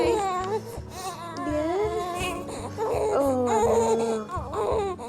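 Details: Newborn girl just after a difficult delivery, with the mother having feared she had lost her: crying with rising and falling wails over background music; a normal, vigorous newborn cry.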